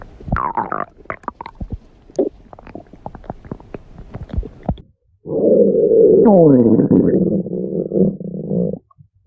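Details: Stomach growling (borborygmi): scattered soft gurgles and clicks, then a long loud rumbling growl with rising and falling pitch.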